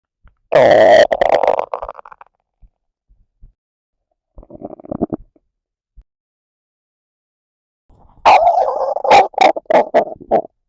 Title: Hungry Stomach Growl